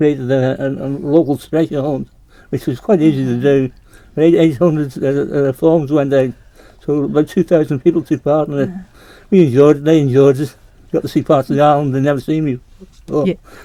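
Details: Adult man with Parkinson's disease diagnosed in 2008; hypokinetic dysarthria.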